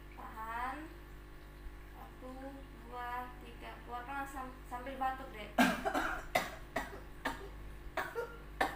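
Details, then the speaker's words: Young patient with an ongoing cough and trouble bringing up phlegm, demonstrating effective coughing: after three slow deep breaths, a fourth deep breath held briefly, then about seven sharp, forceful coughs to clear phlegm. "Ini nanti yang keempatnya adik tarik nafas lagi, ditahan sebentar, langsung batuk ya dek."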